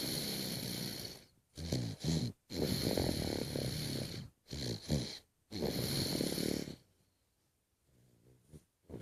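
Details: Snoring during sleep: loud, rough, rattling noises in irregular bursts with short silent gaps, then fading to quiet breathing.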